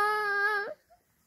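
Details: Infant crying: a single short, high, tonal wail that breaks off after under a second, an ordinary infant cry.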